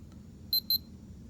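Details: Two short high-pitched electronic beeps from a home blood pressure monitor as a measurement restarts after the cuff is tightened and refitted following an error.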